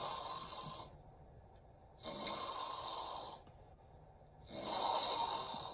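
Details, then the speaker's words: Severe obstructive sleep apnea in an adult male trucker, filmed asleep at home by his mother: loud rough snoring bursts broken by silent gaps where breathing stops, which he describes as not breathing before waking. "this is what severe sleep apnea looks like that's not snoring I'm like"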